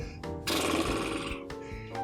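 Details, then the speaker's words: Simulated snore: a brief buzzing flutter of loose, flaccid lips over soft background music, imitating how the soft palate and uvula vibrate more than normal during snoring; the sound stops when the lips are held normal or rigid. "la razón para que se produzca esto es que esta zona cercada todo lo que es el paladar blando incluyendo la campanita ocular tienden a vibrar más de lo normal es como quisiéramos un ruido así con unos labios flácidos"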